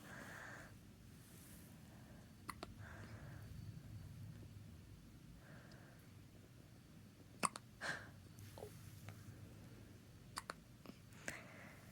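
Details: Baby with hiccups: a quiet room with a few soft, abrupt little clicks and catches from the infant.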